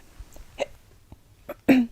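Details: Girl with hiccups: short, abrupt catching sounds at irregular intervals, the last one louder and voiced.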